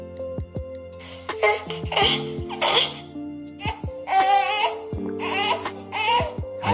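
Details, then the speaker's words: Infant who wants to burp but cannot: short, strained cry bursts over background music, the cry of a baby needing to burp. "Eh sasa kuna mwingine anataka kucheua. Unajuaje huyu mtoto anataka kucheua lakini anashindwa? Sikiliza ulio huu."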